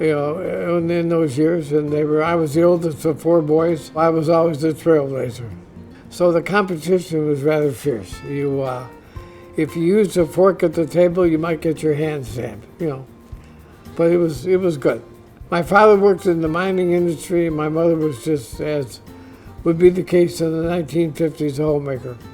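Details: Dysarthria in an adult man diagnosed with ALS (Lou Gehrig's disease), which he says is audibly affecting his voice; he expects only a few more months of being able to work.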